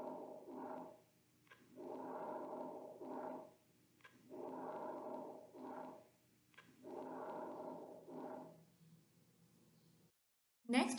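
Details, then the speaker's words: Normal vesicular breath sounds, best heard over the lung periphery except the scapula: soft, breezy, low-pitched breathing with inspiration about three times longer than expiration. "Vasicular breathe sounds are soft, breezy and low pitched. Here we can see in the graph inspiratory phase is three times longer than expiratory phase."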